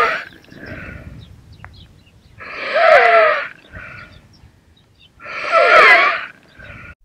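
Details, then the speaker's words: Stridor: loud, harsh, high-pitched crowing breaths recurring about every three seconds, a sign of upper airway narrowing or obstruction that could be life-threatening and needs immediate medical assessment. "stridor is a breath sound that fills me with dread it is a sign of Airway obstruction that could be lifethreatening and requires immediate medical assessment"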